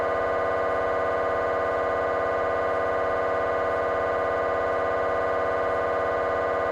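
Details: Temporal bone (Felsenbein) MRI on a GE 3T scanner, T1 fast spin echo sequence: loud, continuous fast buzzing hum with rapid regular pulses about 200 a minute; normal MRI scanner noise.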